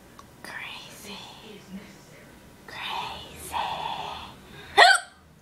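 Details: Person with hiccups who says they feel bad: quiet whispered speech broken by a sudden, short, sharp hiccup near the end, with faint room noise.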